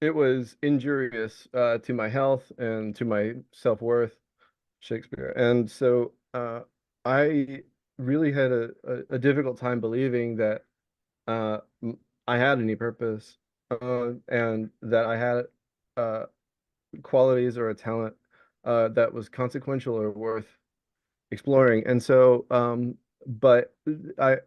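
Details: Tourette syndrome vocal tic in an adult male Navy veteran diagnosed with Tourette's, with the tic word "Shakespeare" repeated during speech.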